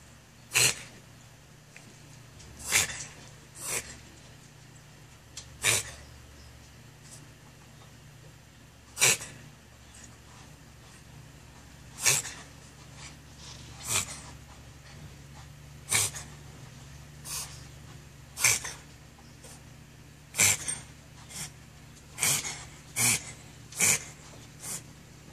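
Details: Dog coughing: about fifteen short, sharp, dry coughs spaced irregularly over twenty-five seconds in a quiet room.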